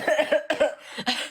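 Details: A child (Zaki) playfully imitates an old person's cough with three quick, harsh, exaggerated bursts amid laughter; cough medicine and an inhaler are mentioned. Imitated cough.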